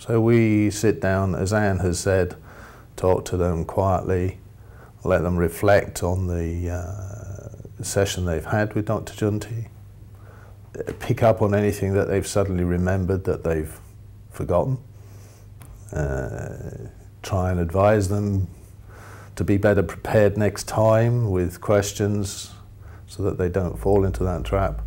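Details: Adult man speaking; no speech disorder.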